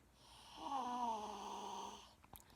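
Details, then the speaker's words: One loud, drawn-out tonal honking snore from a cousin during sleep, described by the recorder as very loud and elephant-like; heavy snoring. "This is my cousin snoring."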